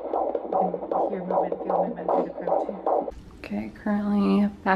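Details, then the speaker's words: First heartbeat heard in about six weeks: rapid, regular whooshing pulses of fetal heartbeat on Doppler, about 155 beats a minute. "going to hear the baby's heartbeat today bump is kind of small because it's the morning but yeah really excited i haven't heard their heartbeat in six weeks or something crazy like that so i'm really excited"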